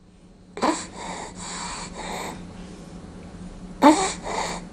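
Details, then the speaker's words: Child with upper airway obstruction from acute laryngotracheitis (croup): harsh, noisy, prolonged inspirations, i.e. inspiratory stridor. "child obstruction of the upper Airways causes a prolonged inspiration in this particular case it is caused by acute luring goat Reiki itís also called croup"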